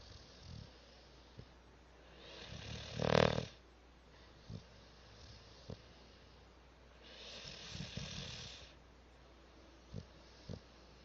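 Loud, rasping snores on the breaths, with soft clicks and light room noise between them.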